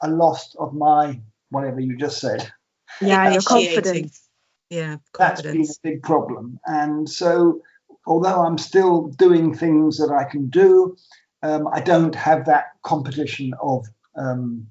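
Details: Adult man with aphasia after two strokes, with trouble naming things and starting conversations, and numbers coming out back to front; real patient speech; aphasia.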